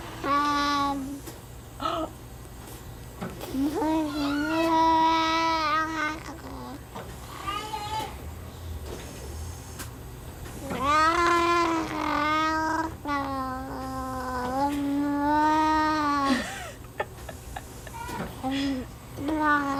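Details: Jabbering and cooing from a ventilator-dependent boy just over one year old with tracheostomy and Werdnig-Hoffmann disease, likely oral floppiness, voicing once a Passy-Muir valve is in line after weeks of practice; quiet before, with mild respiratory distress.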